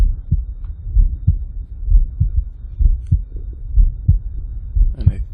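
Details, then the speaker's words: Normal heart sounds from a person's own heartbeat recording being edited in Audacity: regular low thumps at about 62 beats per minute, lub-dub pairs, no clear extra sounds. "Now that we can hear our heartbeat a little better, we're going to listen through and find where the best section of the heartbeat is."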